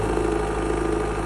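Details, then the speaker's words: Steady, loud motor drone with even low hum from a portable suction machine switched on without its tubing to troubleshoot; suction present, machine working normally. "Just take it off here. Turn it on. See if they have suction."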